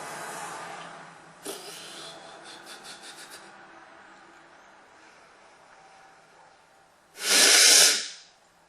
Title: Sneezing and nose blowing